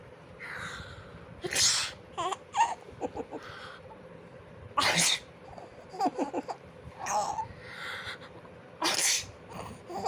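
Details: Three sharp explosive sneezes with short in-breaths before them, a small child giggling in between; the child laughs at each sneeze.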